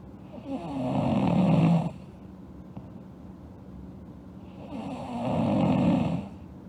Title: Sleeping Girl Snoring (ALSG) Part 1